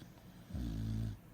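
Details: A resting female dog snoring with her eyes open: one deep, rumbling snore of about half a second.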